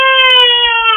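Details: One brief, steady, high-pitched startled wail from a 9-month-old baby frightened by a sneeze nearby. Infant cry.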